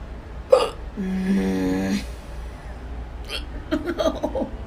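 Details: Hiccups: a sharp, abrupt vocal catch with an involuntary gulping sound, then a sustained voiced tone and faint later sounds.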